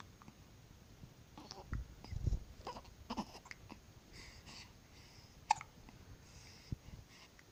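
A few short, abrupt catch-like sounds in a quiet room with soft breathy murmuring: hiccups.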